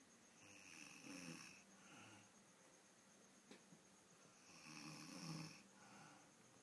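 Two rough, rattling breaths on inhalation about four seconds apart over steady room hiss; ordinary snoring.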